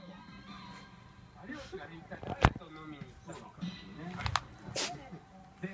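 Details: Shiba Inu dog (Momo) suddenly sneezing hard, a few short, sharp nasal bursts over background music and faint room noise; owner wonders whether mosquito-coil smoke triggered it.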